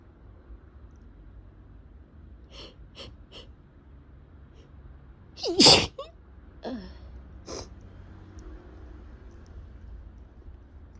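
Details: Person recovering for days from a cold after travel, with very runny, irritated nose: several sharp, wet sneezes with short intakes of breath beforehand, in a prolonged messy sneezing attack.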